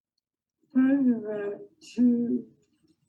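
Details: Woman diagnosed with motor neurone disease: soft, low voice with hypernasality (bulbar component), slurring, strained slow quality (pseudobulbar component); mixed spastic-flaccid dysarthria.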